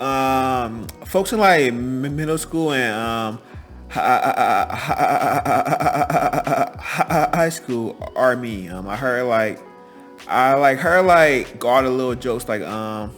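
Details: Adult man who has stuttered all his life; stuttering.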